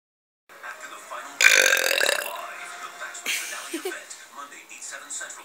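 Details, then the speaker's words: Person burping: one loud, drawn-out belch with a rough gurgling quality, then a second shorter burp, with faint talk and music behind. "Hold on. I think I still have air in my belly."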